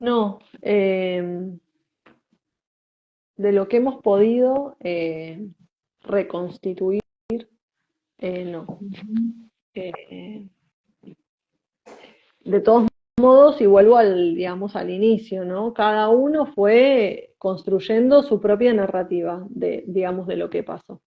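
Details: Woman who identifies herself as a person who stutters; stuttering.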